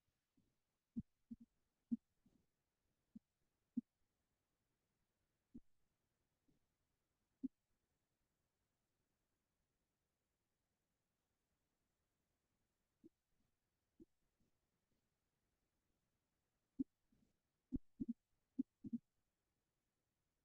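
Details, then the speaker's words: Mitral stenosis murmur in a cardiology teaching review: soft, irregular heart sounds with an opening snap and a faint low-pitched diastolic rumble between beats. "What does the murmur of mitro stenosis sound like? The timing is diastolic. You can palpate cured arteries or correlate with telemetry to determine diastily. Of course, the character is an opening snap with a low pitch diastolic rumble"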